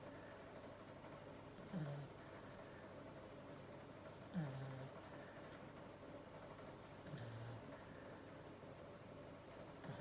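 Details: Sleeping corgi: soft, low, falling snorts every few seconds, roughly 20 a minute, over steady room hum; dog snoring.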